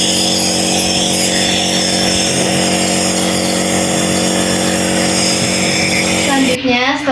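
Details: Steady loud mechanical hum and buzzing drone of a compressor nebulizer running while medication is delivered by mask over a baby's nose and mouth, for 5–15 minutes until the medicine is finished.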